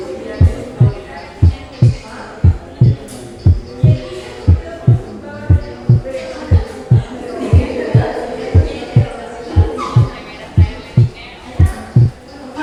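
Regular heart sounds at about 59 beats a minute, with faint music behind. During inspiration the second sound is single. This is paradoxical splitting of S2: the split appears on expiration and closes on inspiration. It often points to left bundle branch block.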